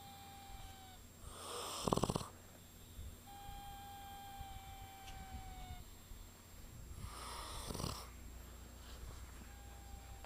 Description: Proof!!! My delicate little flower snores and whistles at the same time.